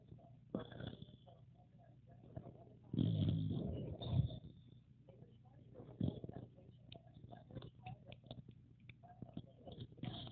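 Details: Pocket Bully puppy asleep: low, rumbling snorting breaths, uneven in rhythm; snoring.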